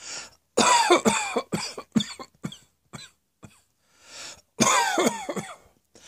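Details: A harsh, explosive bout of repeated coughs that fades out, then an audible breath in and another forceful coughing burst; a plain cough.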